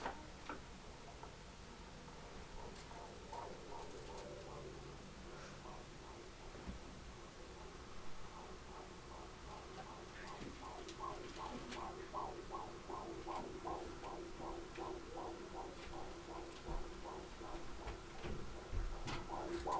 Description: 20 weeks pregnant 6/14/2011. Baby's heartbeat in the 140's, strong healthy baby.